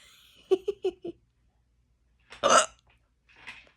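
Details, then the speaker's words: Run of short, sharp throaty catches followed by a louder burst; hiccups. "hey hiccups time it's been a while trying to feed the Doodles but he don't want to"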